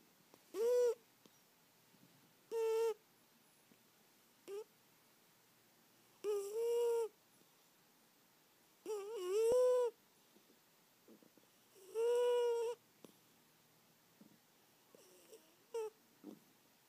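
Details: 18-year-old cat sleeping and dreaming, with irregular high, whistling breaths, each about a second long, roughly twenty a minute; whistling snoring.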